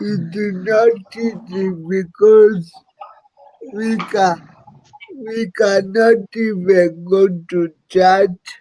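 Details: Dysarthric speech in an adult man living with cerebral palsy.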